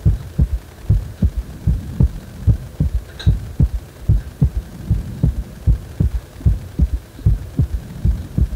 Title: 心臓がグラグラしてる感じの心臓音